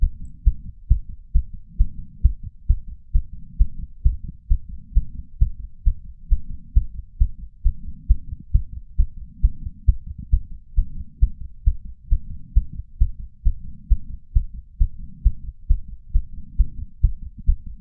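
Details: 31-year-old male's heart racing after exercise (sinus tachycardia), recorded with a lapel mic and a small ceramic bowl: fast, regular pounding heartbeat slowing from about 150 to about 130 bpm, with breath sounds also heard.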